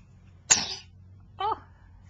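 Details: A single sharp, hissing sneeze followed by a brief voiced sound, during clapping play with a young child, recorded in 2010 on a Flip Video camcorder; sneeze.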